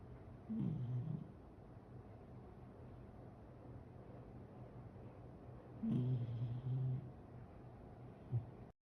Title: 【VLOG#56】ミニシュナのイビキ🐾〜Schnauzer snoring